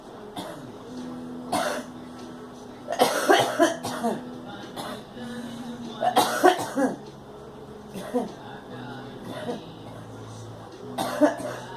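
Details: Adult woman coughing in several clustered bursts with some throat clearing over a steady background hum.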